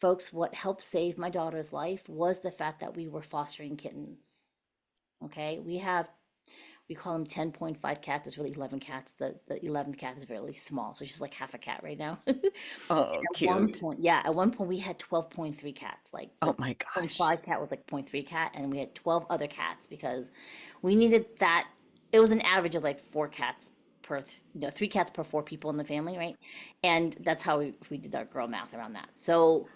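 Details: Adult women in conversation; normal voice.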